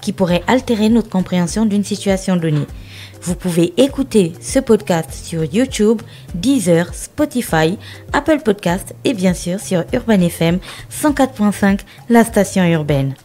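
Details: Adult woman speaking French; typical speech.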